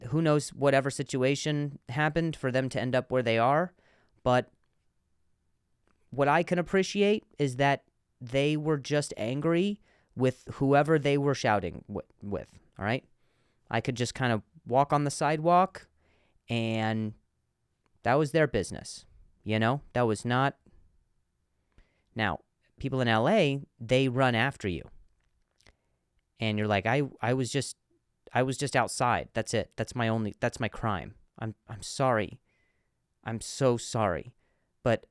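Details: Adult male comedian who stutters, speaking in a podcast monologue, with word repetitions: stuttering.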